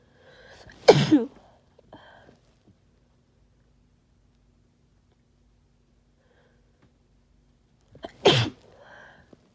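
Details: Person with a cold: two loud, harsh sneezes several seconds apart, each preceded by a short intake of breath, in a quiet room, followed by needing to blow the nose.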